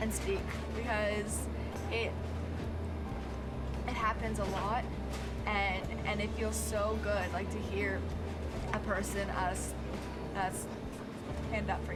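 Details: Male with lifelong stutter, worse in middle school, treated by a speech therapist in elementary school, severity varying day to day; stuttering.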